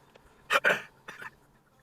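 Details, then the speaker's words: Driver filming dashcam footage while unwell, still coughing heavily: two sharp, forceful coughs in quick succession, then two softer, shorter coughs over quiet car background; a bout of coughing. "and as you can hear when this was filmed I'm still coughing my guts up but we're going to stay with him for a little while this car there we go another cough"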